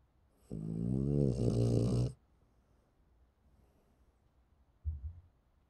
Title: Snoring Dog